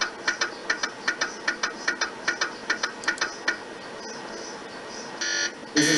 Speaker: actually the sound that's coming from to generate different frequencies and using that to generate images